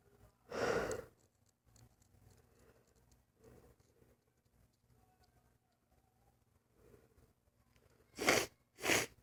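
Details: Person with lifelong sudden sneezing fits lasting 3-5 minutes, not allergic and without itching: three loud sneezes, one early and two close together near the end, with quiet breathing between; paroxysmal sneezing.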